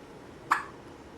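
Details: Single short, sharp voiced hiccup from a baby, over faint room noise; infant with hiccups, awake, trying to yawn.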